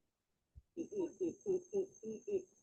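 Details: Patient speech sample presented in a lecture on surgical management, showing interruptions in words and extra effort to adduct the vocal cords; adductor spasmodic dysphonia.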